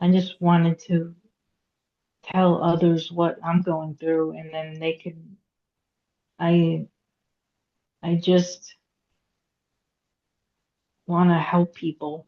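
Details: Aphasia in a woman after a hemorrhagic stroke at age 36 in September 2018; she could not talk for 2 years and had 2 years of speech therapy. She still has trouble getting her point across, reading and writing.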